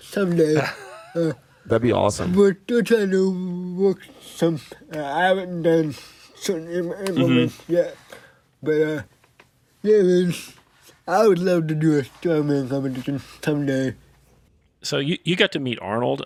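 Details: 24-year-old man with cerebral palsy, a motor disability affecting control of his body; dysarthric speech.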